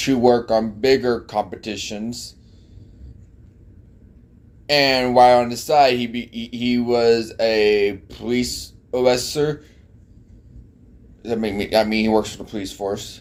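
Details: Man with an unspecified speech impediment present since childhood; speech disfluency (speech impediment).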